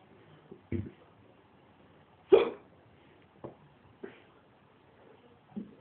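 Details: Drunk person hiccuping badly; abrupt throaty hiccups, about five in six seconds at irregular spacing, one louder than the rest: hiccups.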